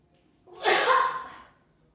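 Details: A single short sneeze, a quick inward catch then a sharp airy burst, in a quiet room.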